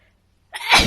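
Brief silence followed by a single sudden, hissing burst of air; a sneeze.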